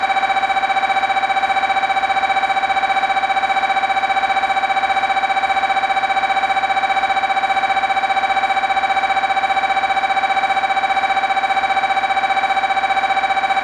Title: "mri sounds" 2021